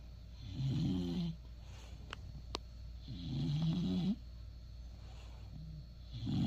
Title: Shhh, excuse my snoring 😴